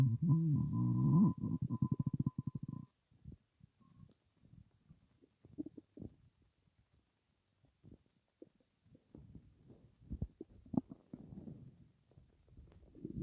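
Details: Stomach rumbling (borborygmi) from gas, with nothing in the stomach: a low gurgling rumble, then scattered soft bubbling and popping sounds.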